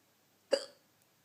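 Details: A single short, abrupt catch of breath with a sharp onset in the dark while trying to sleep; a hiccup.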